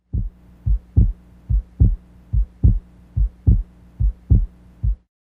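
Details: Normal heart sounds (S1 and S2), in a teaching recording on heart failure and pulmonary edema.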